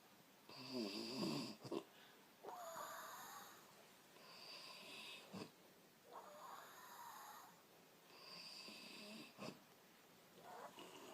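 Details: Woman snoring: rhythmic rough, fluttering snores about every four seconds, some ending with a snort or click.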